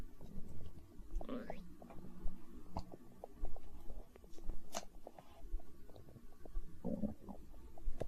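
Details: Stomach growling (borborygmi) recorded for ASMR, tagged as hunger sounds: low gurgling rumbles with a few squeaky rising sounds over faint room noise, ordinary bowel sounds.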